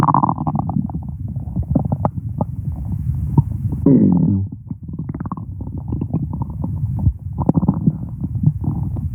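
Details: Stomach growling: continuous low gurgling and rumbling from the abdomen, active bowel sounds (borborygmi).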